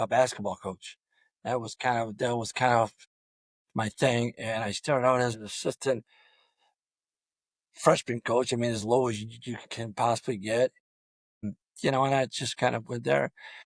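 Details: Adult male high school football coach with over 34 years of coaching who has stuttered throughout his career; stuttering.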